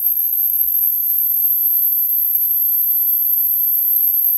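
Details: Faint, steady very high-pitched whine over low room noise from an ultrasonic dental scaler, whose insert stacks vibrate at roughly 25,000 or 30,000 hertz, running during manual tuning.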